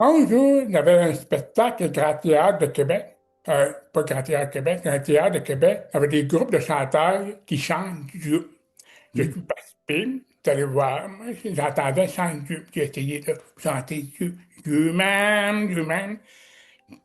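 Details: Adult man with severe-to-profound deafness since childhood who wears hearing aids and learned oral speech at a specialized institute by practising letters in front of a mirror; deaf speech.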